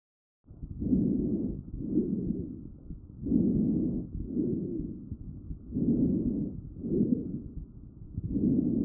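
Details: Child's chest recorded with the StethoMe electronic stethoscope, with sounds automatically classified by StethoMe AI: breath sounds with a musical, whistling quality, wheezes from narrowed airways.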